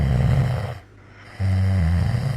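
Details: A sleeping dog snoring like a human: a loud, low, rumbling snore breaking off briefly for a quiet pause before the next rumbling breath.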